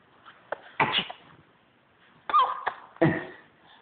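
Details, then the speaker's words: Sneezing on request for the camera: a few short, sharp, snorting bursts of air through the nose, fitting small sneezes. "do you sneeze do you have to sneeze sneeze for the camera sneeze go BR sneeze"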